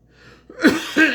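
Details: Adult man gives two quick, voiced coughs in a small, quiet room while recording himself reading the Bible aloud.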